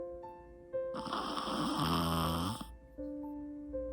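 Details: Sleeping Pomeranian gives a single rattly, buzzing snore lasting about two seconds, with steady background music: snoring.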